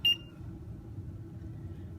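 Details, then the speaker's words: Single short high beep in a quiet room from a PCA (patient-controlled analgesia) pump during setup with a water-filled practice syringe, confirming that everything was cleared; infusion pump confirmation beep. "so it's letting you know that everything was cleared"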